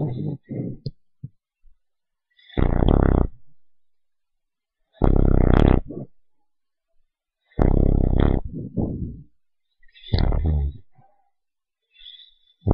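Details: Small dog asleep: loud, low, rattling snores in regular bursts about every 2.5 seconds, roughly 24 a minute; snoring.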